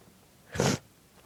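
A single short, muffled burst of air through the nose and mouth: a quiet stifled sneeze, held back rather than released fully.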